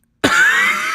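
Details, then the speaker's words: Ill adult, not much better after a week, coughing because it feels like air is sucked out of the lung: a single abrupt, harsh cough with no rattle or wet sound; dry cough. "I'm getting these coughs where they're dry and the only reason I'm coughing is because it feels like oh last one"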